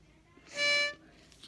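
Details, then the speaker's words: Albuterol metered-dose inhaler used with a spacer chamber, demonstrated by a respiratory care student: brief high whistle under half a second as the chamber sounds from inhaling too fast; breath in should be slow. "you want to take a nice deep breath in slowly because if you do not go slowly your chamber will make a noise just like this"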